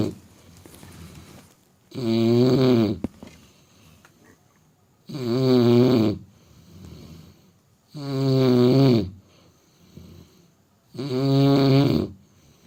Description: My German Shepherd Snoring While Sleeping